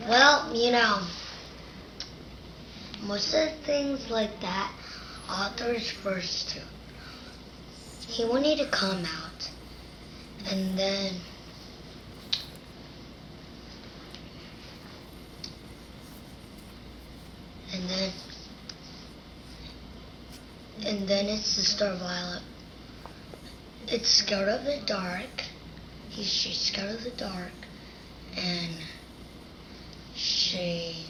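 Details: 8-year-old girl retelling a storybook, with good speech sounds and intelligibility but disordered language: shifting pronoun reference, words lacking clear meaning, and gestures used to compensate and to buy time for word finding; developmental language disorder.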